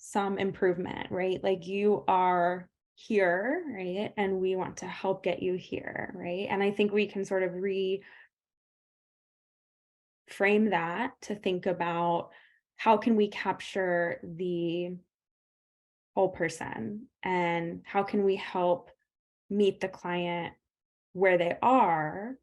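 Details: Person who stutters, speaking on a panel about stuttering therapy; audible word and part-word repetitions; stuttering.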